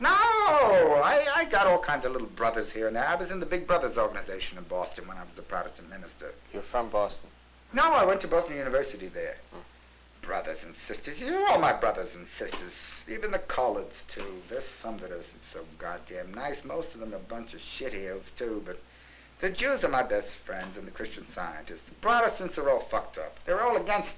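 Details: Adult man, real 1961 psychiatric interview, hypomanic and excited with psychomotor activity typical of mania and denial of depression; pressured speech (hypomania).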